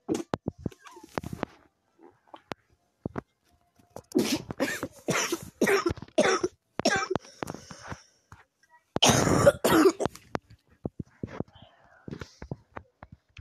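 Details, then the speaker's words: Repeated bouts of dry coughing and throat clearing in quick runs; the person says the cough is from allergies and describes a sick day. "hold on if you guys hear me coughing a lot this is a disclaimer right here allergies"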